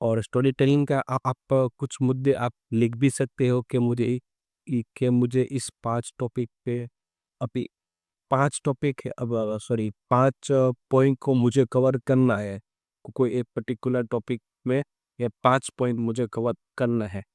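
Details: Adult man who stammers, speaking Hindi, who has done daily stammering practice including breathing and tongue twisters for about a month; stuttering.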